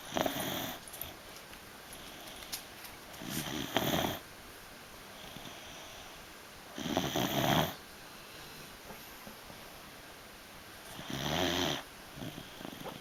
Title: Snoring beagle..